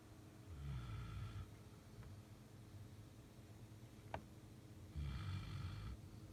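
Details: Belgian Malinois dog snoring while sleeping under the bed.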